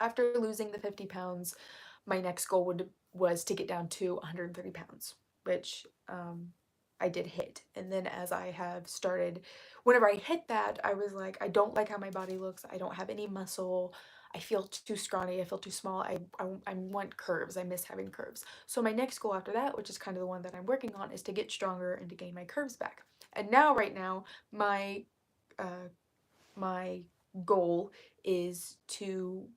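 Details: Woman who reports currently having really bad vocal fry, which she attributes to speaking quietly on purpose; vocal fry.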